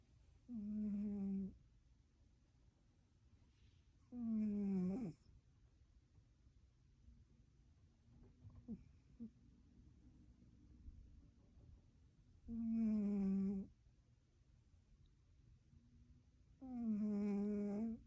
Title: Tito The One Eared Snoring Cat Loves His New Girlfriend!!!